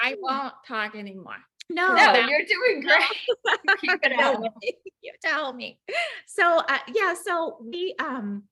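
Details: Aphasia with apraxia of speech in an adult woman, a former ICU nurse, about 4 years after a ruptured brain aneurysm with intracranial and subarachnoid hemorrhages that initially left her unable to speak; she had 5 brain surgeries in 7 weeks.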